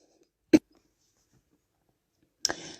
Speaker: I don't cough at all when I start recording I start thinking this is really good okay this is not normal okay somebody does not want me to talk but I will I apologize for the coughing